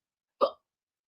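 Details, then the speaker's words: A child, the co-host's son, has hiccups during a live trivia show: a single short, abrupt voiced catch with a sharp onset and quick fade, a hiccup. "attention everyone attention gideon has the hiccups so um just be aware when you hear that it's okay it's okay"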